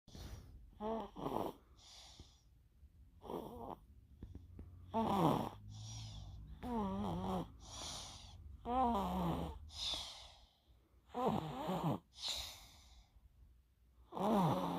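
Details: Rapid, repeated snores with a buzzing, slightly whistling tone from a deeply sleeping female: snoring.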